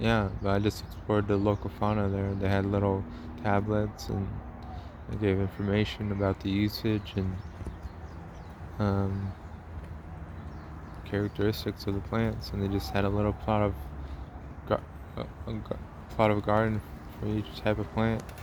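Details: Man narrating a travel log, self-described as having a speech impediment, type not named; stuttering-like disfluency; speech impediment.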